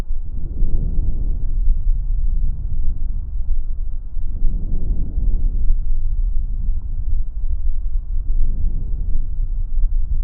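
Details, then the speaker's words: Normal vesicular breath sounds on chest auscultation: soft, low-pitched rustling breaths in regular cycles, with a longer, more intense inspiratory component from alveolar distension; heard over the anterior chest, axillae and back. "se conforma de un componente inspiratorio más largo e intenso causado por la distensión brusca de los alvéolos pulmonares por la entrada de aire"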